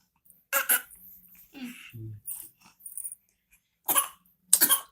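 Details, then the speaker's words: Young child's playful put-on cough: several short, sharp, deliberate coughs in bursts, not an illness cough. "అబ్బో అబ్బో అంత దగ్గు వస్తుందా నీకు?"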